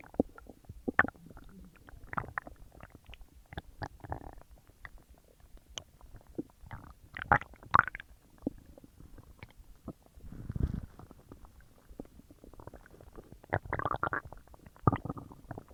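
Continuous gurgling, squelching and rumbling from the belly with bursts of activity, active digestion sounds after a large meal.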